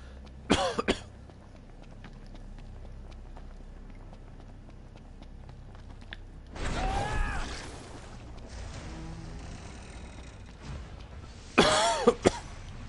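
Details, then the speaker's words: Coughing fit from a person eating dinner during a live game stream: three separate bursts of harsh coughing with quiet room noise between them. "Hello, coughing fit."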